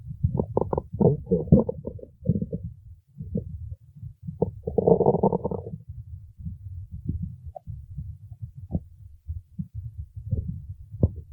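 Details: Female's stomach growling, said to need to eat: low gurgling rumbles and bubbling runs from the belly in irregular bursts; borborygmi.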